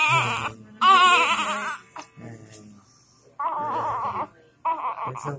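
Several short, high-pitched wavering cry bursts separated by pauses; the cry of a baby born at 32 weeks, with faint background music.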